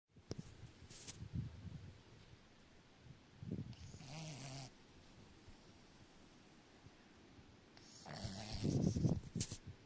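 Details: Dog deeply asleep in owner's arms, snoring; soft, low snorting breaths with faint rustling; light snoring.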